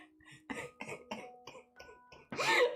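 A run of short, rough coughs ending in a louder, harsher burst over soft background music: cough with a cold.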